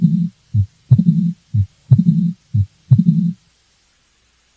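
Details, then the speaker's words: Mitral stenosis: regular heart sounds about 60/min, S1, gap, S2 followed by a sharp opening snap and a low diastolic rumble murmur. "so what you're going to hear is the first heart sound followed by a gap and then you will hear the second heart sound in an opening snap and after the opening snap you'll hear that diastolic Rumble murmur of mitr"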